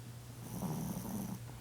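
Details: Sleeping female Chihuahua, a habitual loud snorer: a single low, rattling snore over a steady background hum.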